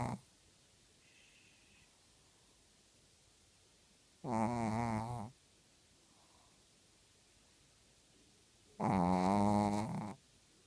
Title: Misty Snoring